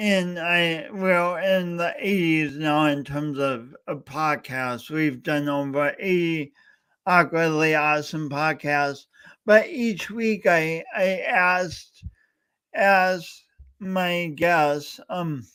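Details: Adult male host with a speech impediment, coached for years, talking live during a three-hour talk-a-thon. Finding: speech impediment (stuttering-like disfluency).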